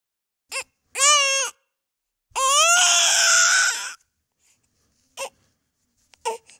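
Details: Sound-effect recording of baby crying: several loud, high-pitched wailing cries from an infant with pauses between bursts; infant cry.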